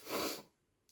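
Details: A single sharp sneeze from a speaker who says he is a little sick. A sudden forceful burst of air that fades quickly into quiet.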